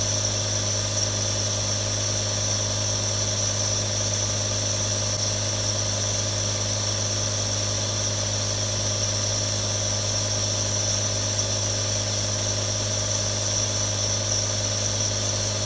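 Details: Real nebulizer, one of three recorded: steady, unbroken mechanical hum with a hiss over it, like a compressor running continuously.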